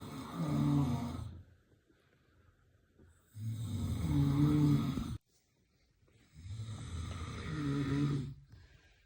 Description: Trying to sleep peacefully at midnight but this snoring had other plans 😤😴